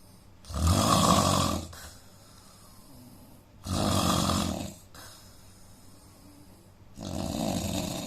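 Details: Indian man with a nose problem snoring: three loud, rough, rattling snores on the in-breaths, about 20 breaths a minute, with quiet exhalations between them.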